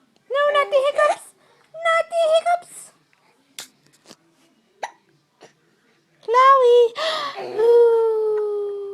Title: baby hiccups